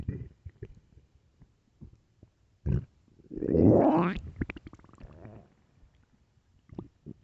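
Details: Low gurgles and a long rolling rumble from the belly, with small bubbling pops: late-night stomach growling (borborygmi) from gut movement.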